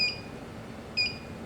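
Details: Two short high electronic beeps in a quiet room as a therapeutic ultrasound unit is set to 1 W/cm², 3 MHz continuous thermal mode, after gel is applied to treat a sub-acute anterior talofibular ligament ankle sprain.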